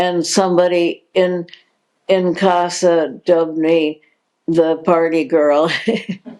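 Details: Progressive supranuclear palsy diagnosed in 2020, a progressive neurological disease with no cure, in an adult woman; dysarthria with word repetition.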